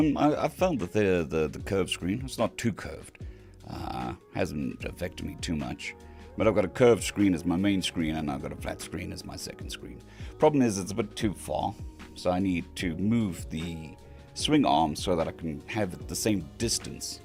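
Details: Male patient recovering from vocal cord surgery (day 2 of recovery), cords mostly healed but with lost strength and stamina, physiotherapy pushing the voice, laryngitis-like quality; dysphonia after vocal cord surgery.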